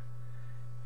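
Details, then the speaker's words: Snuza Hero baby movement monitor switched on: a steady low electronic tone as it starts monitoring. "turn it on. And so turn it on right there. Now it's on. It's going to monitor."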